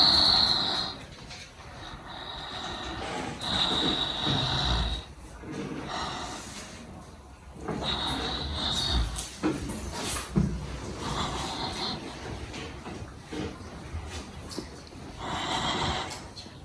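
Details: Slow, deep breaths with soft rushing airflow and no crackles or wheeze, auscultated over the posterior thorax of an adult male patient taking deep breaths during a head-to-toe health assessment lab exam. Normal breath sounds.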